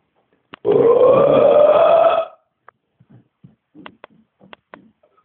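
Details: Male burping after kebab and coke: one long, loud, sustained belch under two seconds, then faint clicks and small sounds.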